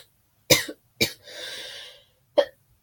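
Two sharp coughs, then a long wheezy in-breath and a final cough; a brief coughing fit during an illness.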